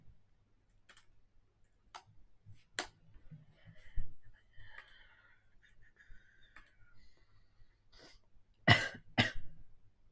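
Quiet room with light clicks and a snort-like sniff, then an adult gives two quick, forceful coughs close together near the end.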